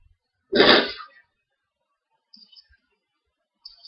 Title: Hayfever (attacks the days it's sunny) Loud sneezes